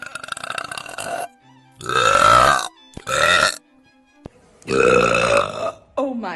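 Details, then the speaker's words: Three long, loud, voiced belches, each lasting about a second, with short pauses between them; burping. "gosh I'm sorry you had to hear that oh"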